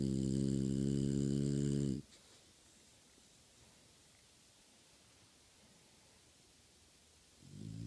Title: snoring